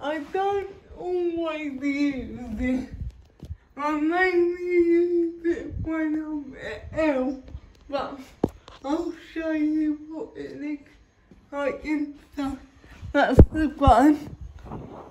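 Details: Dysarthric speech (cerebral palsy) in a female vlogger, real everyday speech.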